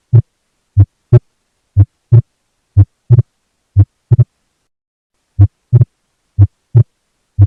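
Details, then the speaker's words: Physiological splitting of S2 at a regular rate near 60/min: the second sound splits into two close clicks in some beats only, from aortic closure before pulmonary closure, more prominent on inspiration. "a divisão de S2 resulta do fechamento da válvula Ótica ligeiramente antes da válvula pulmonar e isso é mais proeminente na inspiração"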